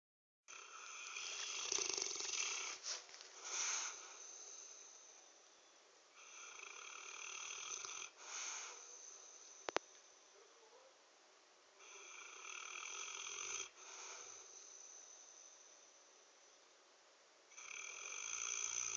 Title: Mr snores-a-lot